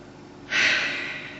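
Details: Single sharp, rushing nasal breath in a quiet room, a snort or gasp-like intake, from an adult hiccuping since 10 a.m. until 9 p.m., feeling sick and achy; snorting.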